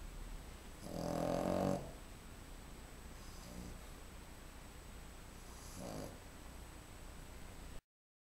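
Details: Dog sleeping at night: soft, rumbling snores, one louder and two fainter, over steady room hiss; owner was told the breed snores; ordinary snoring.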